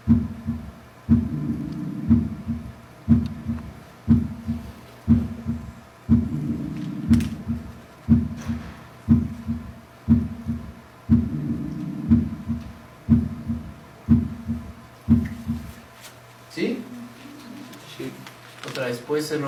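Regular heartbeat at about 60 per minute with an extra low sound early in diastole, a third heart sound.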